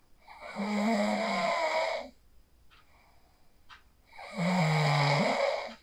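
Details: Real sleep snoring recorded on a phone after practicing the 4-7-8 breathing technique (inhale 4, hold 7, exhale 8): two long, loud, rattling inspiratory snores separated by a quiet pause with faint clicks.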